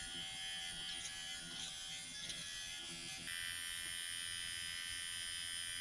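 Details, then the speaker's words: Steady high-pitched electric buzzing, rising slightly in pitch partway through, of a Dr. Pen microneedling pen at 0.5 mm depth and speed level one, crosshatching over the user's chin with thicker skin and acne scars. "I'm going to go up to 0.5 still going to keep it on level one actually so just come searching the other way"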